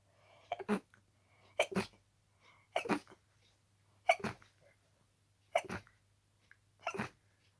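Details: Harsh, rapid sneezing fit from a cold, barely any breath between sneezes, leaving the sneezer sore and tired: six harsh sneezes in about seven seconds, each preceded by a quick catch of breath.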